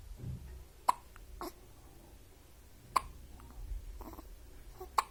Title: Newborn hiccups 😍